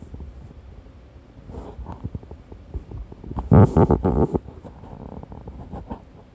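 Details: Irregular gurgling and rumbling belly sounds, with a louder churning burst midway, from someone falling asleep while digesting a hamburger steak; ordinary digestion; bowel sounds (borborygmi).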